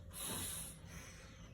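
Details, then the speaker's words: Simulated adult rescue breathing on a CPR training manikin with bag valve mask, CE clamp and head tilt–chin lift, one breath every 6 to 8 seconds: a single hissing whoosh of air under a second. "And for this, you're going to demonstrate rescue breathing. So remember, for adult rescue breathing, we give 1 breath every 6 to 8 seconds."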